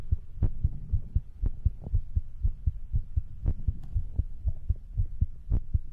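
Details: Compiled heartbeat with soft breathing, recorded as sleep ASMR from a livestream: steady, muffled, low thumps at roughly 60 beats a minute; heartbeat.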